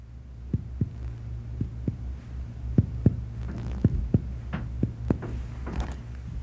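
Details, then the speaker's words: Percussion down the right midclavicular line from tympany below the liver, resonant notes turning dull over the liver; borders of liver dullness marked. "percuss the span of liver dullness in the right mid clavicular line from an area of timpani well below the expected liver percuss up to the lower border of liver dullness down the mid-clavicular line to the upper border of liver dullness"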